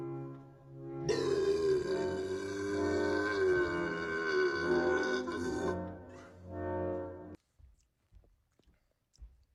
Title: Zimba Burps